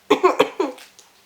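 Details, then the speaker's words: Adult woman with a cold, negative test, after flu-like symptoms with fever spikes, in a brief coughing fit: a rapid run of four short, harsh, voiced coughs in a small room. "À force de tousser, je n'ai pas encore trouvé ma voix, mais ça commence à être mieux, hein."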